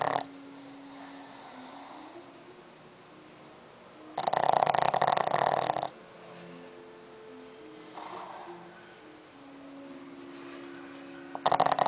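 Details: Sleeping 9-month-old pug snoring: loud, rough snorting snore bursts with soft whistling nasal tones between breaths; flat-faced dog snoring.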